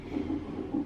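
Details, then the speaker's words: Fetal heartbeat of a baby girl on a fetal monitor at a doctor's visit, mother 35 weeks pregnant and having contractions: rapid whooshing pulses from the monitor speaker. "The girl is here. And you can hear her heartbeat on the machine over there."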